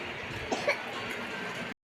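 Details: Two short, soft coughs from a young child who is unwell, over steady room noise.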